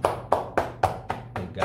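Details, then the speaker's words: Chest percussion (chest clapping) with both hands cupped, to loosen phlegm in cough, colds and lung illness: six hollow, even claps at about four a second. "Step number two, chest clapping. Ganito. Oo. Chest clapping. Kailangan parang cup yung dalawang kamay ninyo."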